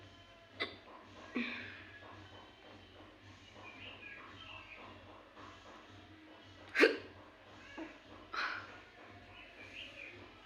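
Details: Five short, sharp involuntary hiccups at irregular intervals over about ten seconds from a woman, against a low steady hum; no other sounds: hiccups.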